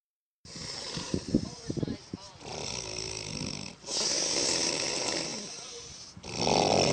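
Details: Very loud snoring: rough snoring breaths with a heavy hiss on the inhale, recorded close up; ordinary snoring.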